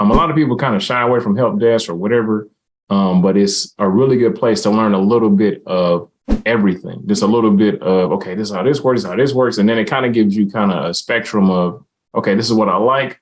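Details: Adult speaker; ordinary conversational speech.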